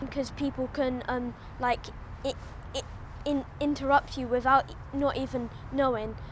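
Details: 11-year-old boy with a stammer, speaking problems evident from a young age; stammering.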